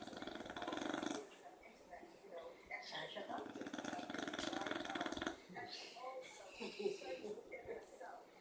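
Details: Beagle snoring during an afternoon nap beside a dachshund: soft, snuffly snoring with nasal rattles and short grunts; sleeping dog's snore.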